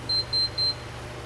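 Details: Enteral Infinity Enteralite feeding pump: three short, high-pitched electronic beeps over low room hum as run is pressed again after a pause.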